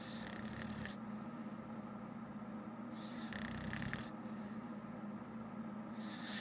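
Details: Loud snoring from an adult woman who fell asleep while watching shows: two noisy, rattling snores, each about a second long and roughly three seconds apart, over a steady low hum.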